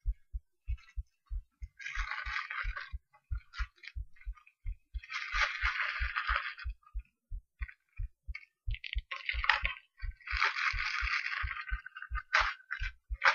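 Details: Steady, regular heartbeat with clear paired lub-dub thumps, partly masked by bursts of scratchy rustling from stethoscope movement, recorded through a cheap acoustic stethoscope.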